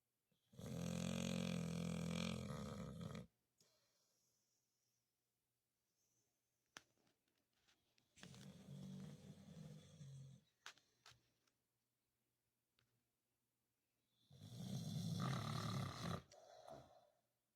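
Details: Sleeping Staffordshire terrier (Staffy, pit bull type) snoring loudly: three long, deep, rumbling, human-like snores about every six seconds, with quiet pauses between.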